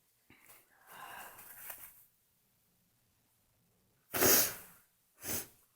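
A soft breathy intake and blowing sound, then two sharp explosive sneezes in quick succession in a quiet room.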